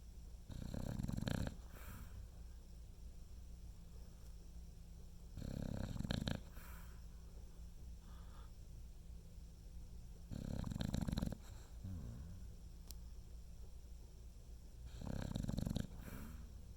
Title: Rockne snoring